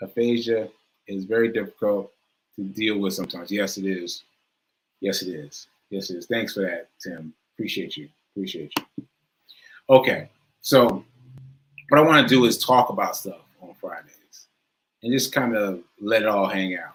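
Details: Adult male stroke survivor with aphasia and self-reported word-finding difficulty, speaking live and unscripted; aphasia after stroke.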